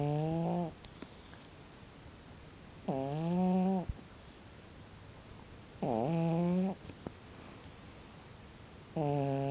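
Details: A sleeping cat snores very loudly, with a rough, buzzing sound on each breath about every three seconds, roughly 20 breaths a minute.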